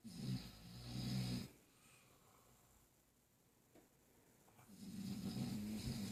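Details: A person snoring with a baby moving nearby: low, rumbling snores on two breaths, with a quiet pause between them.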